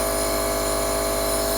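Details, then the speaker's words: Compressor nebulizer with saline solution running for a 15–20 minute sinus session, used for congestion and suspected mold in the sinuses; steady loud mechanical hum and buzz, continuous without pauses. "I'll turn it on so you guys can hear and see what it looks like."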